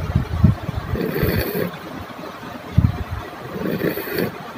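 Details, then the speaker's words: A child snores only during sleep with low-pitched, rattling snores on each breath; endoscopy through the nose showed enlarged adenoid tissue behind the nose narrowing the airway; snoring from enlarged adenoids. "we hear in this video this child has a low pitched snoring sound which happens only during sleep"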